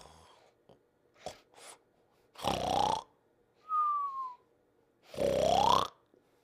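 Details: Sleeping dog: two loud rattling snores about half a minute's breath apart, with a whistling nasal sound between them; snoring during sleep.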